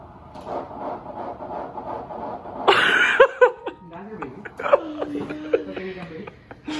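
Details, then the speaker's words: Fetal heartbeat on Doppler at a woman's first prenatal appointment early in pregnancy; fast rhythmic whooshing pulses, then laughter and voices in a small room. "Holy shit. What is that? The heartbeat. We're gonna hear it now."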